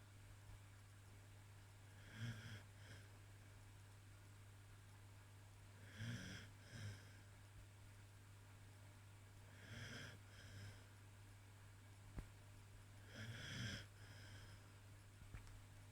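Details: Calm dog asleep after a long walk in a forest, snoring with slow, rhythmic snorting breaths about 16 a minute over a steady low hum.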